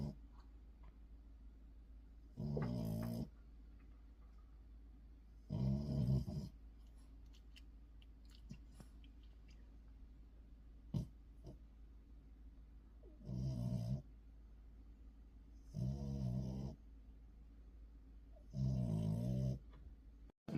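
Deep, rattling snores recur regularly, about five breaths over twenty seconds, roughly 15 a minute, over quiet room hum; dog snoring in sleep.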